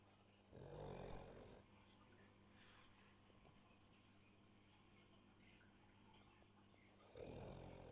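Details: Filmed while she slept: two loud, rattling snores about six seconds apart, with quiet breathing between over faint room noise; ordinary snoring.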